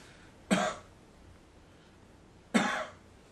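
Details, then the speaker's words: Adult patient, coached during incentive spirometry teaching, coughs twice about two seconds apart while splinting the abdomen with a pillow; coughing hurt, less so with the pillow; splinted cough. "this helps hold everything steady splints it so it doesn't move around and hurt as much so as you need to cough grab the pillow"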